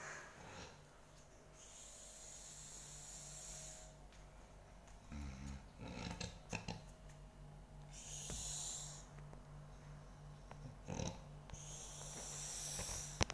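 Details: Snoring recorded as a sound disturbing sleep: quiet, slow snoring breaths with occasional snorts through steady room hiss.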